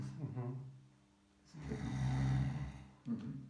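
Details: Deliberate open-mouth snoring by an adult during a snoring test: low rattling, vibrating inhalations with a voiced hum, two or three efforts in a quiet room.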